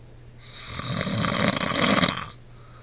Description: This is what my wonderful husband sounds like every night